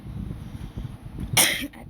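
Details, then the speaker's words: A single short, explosive cough from an adult woman with fever and a hoarse voice, over low background rumble. "อาจจะมีเสียงไอนะคะทุกคนเพราะว่าก็คือไม่ก็คือป่วยนั่นแหละก็คือเป็นไข้ก็เลยมีเสียงไอ"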